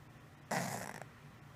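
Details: 6-year-old female cat, noise for 1 month, mostly while resting or sleeping, at the top of inhalation, from the throat area, often mouth breathing, no improvement after 3 weeks of antibiotics: a single short, rough snorting breath; stertor.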